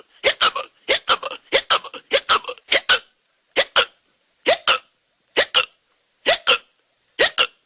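About a dozen short, sharp voiced gulps, mostly in close pairs, at an uneven pace; hiccup sound effects.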